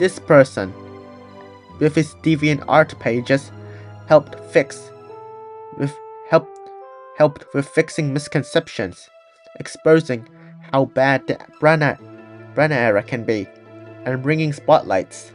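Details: Person who stutters, with audible repetitions and revisions; stuttering.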